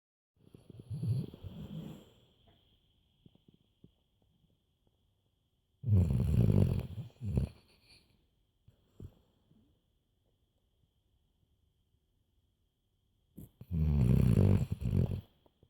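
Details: Black Labrador dog snoring loudly while asleep: three rattling snores about six seconds apart, with quiet pauses between them.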